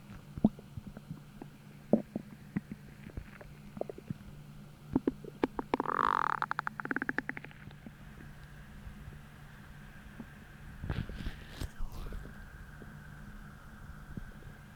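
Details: Low gurgling rumbles and bubbly squeaks from the belly with a longer growl midway; hunger stomach growling starting about twenty minutes after a hollow, empty feeling, despite bloating from a heavy dinner the night before.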